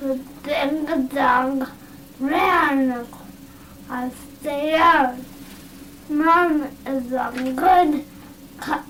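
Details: Dysarthria in a male, a motor speech disorder from weakness of face, tongue, lip or jaw muscles, with decreased breathing support and spasticity; comprehension and intelligence are good.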